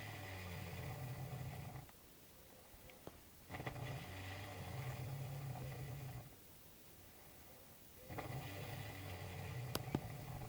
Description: loud snoring